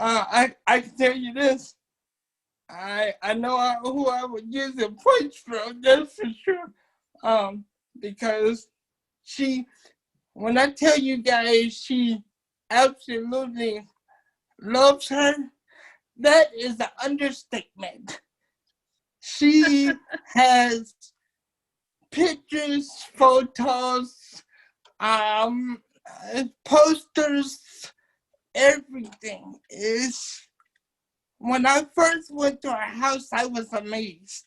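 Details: Dysarthric speech in a 27-year-old man with cerebral palsy since birth, affecting his muscles; he uses a wheelchair, and doctors had told his family he would not be able to talk.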